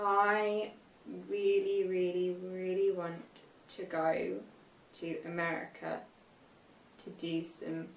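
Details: Aphasia with non-fluent conversational speech in a young woman, 5 years after a stroke at school at age 18; reading and writing also affected.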